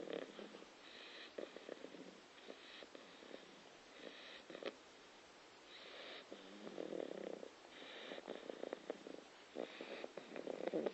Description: Moxxi the Staffordshire Bull Terrier snoring.